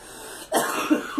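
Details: Coughing after the flu and repeated colds over about two months: a single short, harsh cough after a brief pause.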